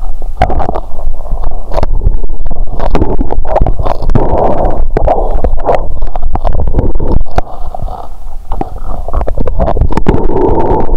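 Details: Loud, continuous bubbling and gurgling with frequent sharp pops through a stethoscope on the abdomen after cola and Mentos, full and painful belly after burping; active bowel sounds.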